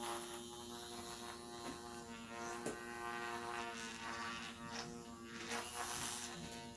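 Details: Steady electric buzzing hum of a microneedling pen working on a client's face, with faint room noise and background music.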